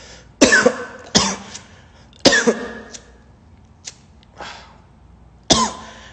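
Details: Several sharp, harsh coughs in an irregular run with softer ones between, a coughing fit from a man after smoking weed.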